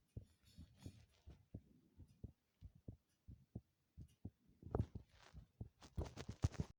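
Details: Strong, regular heartbeat of paired low thumps at about 85 beats per minute, with a scraping noise near the end.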